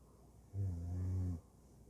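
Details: A single low, steady, buzzing snore lasting under a second in a quiet room; snoring during sleep.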